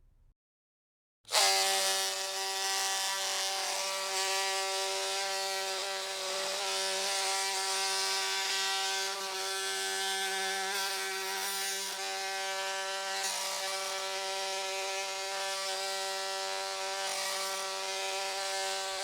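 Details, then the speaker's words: Oscillating bone saw during total knee arthroplasty for knee osteoarthritis: a continuous high whining buzz after brief silence. It cuts the anterior femoral cut with the anterior tissues retracted. "it is recommended to start sawing from the medial side and to continue towards the lateral side so that the depth of the Saw's passage can still be assessed during the cut"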